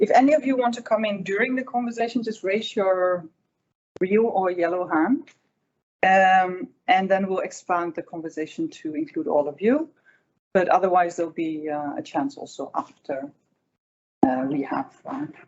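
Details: Adult speaker; Normal voice.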